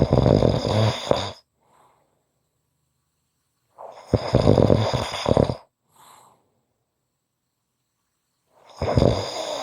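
Loud, rough snoring on each in-breath, three snores about four seconds apart with quiet pauses between; ordinary snoring.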